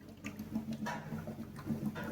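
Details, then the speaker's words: Soft, continuous low bubbling gurgle from a bubble CPAP mode with the expiratory limb in the bubble jar. Flow is 6 and FiO2 21%; CPAP is set at 6, but about 4.8–4.9 is delivered because of a circuit leak. "the oscillations are going on in this graph just because of the bubble effect because we have connected our expirator limb into the bubble cap"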